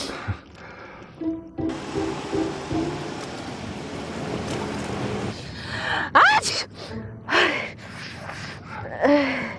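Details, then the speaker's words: Acted scene in a car: several sharp sneeze bursts over car and room noise with soft music, from a man's allergy to a colleague's perfume; simulated sneezing. "不好意思，弗兰克，我对这个香水过敏，我下去打的。"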